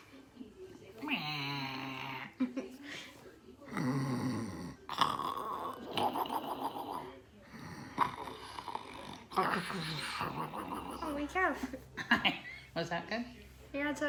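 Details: Imitation snoring made on request: loud, rattling snore-like sounds on the in-breath, with voices in between, pretending to snore like needing a CPAP machine.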